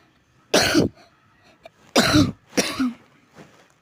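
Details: Three sharp coughs from an adult in a quiet room, followed by a faint throat clear.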